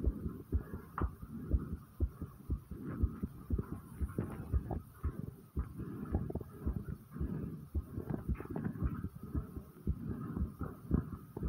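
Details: Fast heartbeat recorded by the person, who says it was really going fast; tachycardia.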